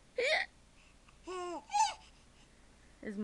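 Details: Parent imitating hiccups for a toddler son: two or three sharp fake hiccup sounds answered by the toddler's giggling; pretend, not real hiccups.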